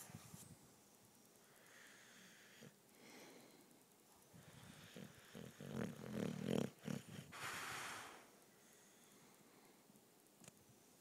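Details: A female English Bulldog, a loud snorer, snorting in sleep: quiet breathing with a burst of loud nasal snorts and a rattling snore in the middle.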